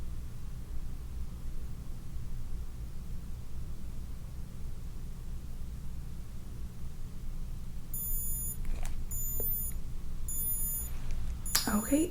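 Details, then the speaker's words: Digital thermometer held under the tongue in a real-person roleplay assessment of an adult with a stiff neck: steady low room hum, then short high beeps as the reading finishes, 36.4 °C, no fever. "okay so now i'm just gonna take your temperature okay there we go so i'm just going to get you to put this under your tongue and form a tight seal with your lips and just wait for it to be"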